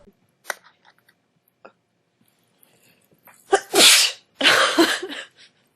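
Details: Young woman sneezing during a talk, saying she has allergies, in a sneezing compilation; soft sniffs and intakes, then two sharp sneezes in quick succession.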